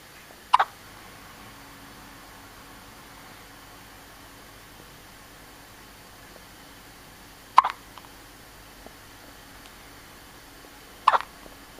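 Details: Hiccups: three sharp, brief hiccup clicks at irregular intervals in a quiet room.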